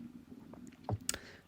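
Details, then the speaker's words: Adult's stomach growling from hunger while recording a commentary: brief low gurgling rumbles from the belly, ordinary hunger borborygmi. "I told you already ladies and gents how poorly optimized this fight is and my stomach is growling like mad I do apologize if you can hear that on your headphones or anything like"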